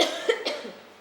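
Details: Two short, harsh cough bursts acted by a woman in an Indonesian comedy sketch (simulated), said caught from a coworker.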